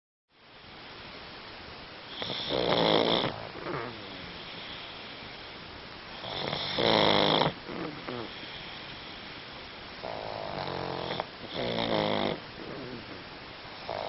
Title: Pugs Snoring!